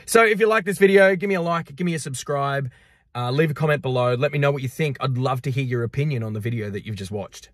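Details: Adult male speaker; typical speech.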